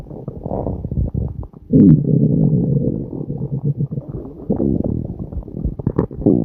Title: stomach growling!!! n.n